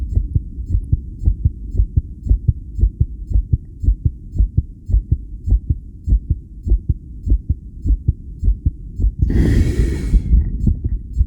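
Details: Self-recorded via homemade electric stethoscope during 10-lead ECG after regulated breathing: fast strong heartbeat near 110 a minute, rhythm changes attributed to breathing and CO2; tachycardia with extrasystoles.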